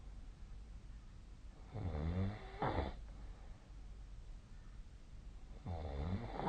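Two low, rattling snores during sleep, the first breaking into a double snort, with quiet room hiss between them. Snoring.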